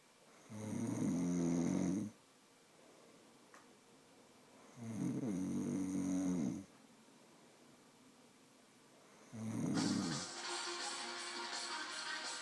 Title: Mum snoring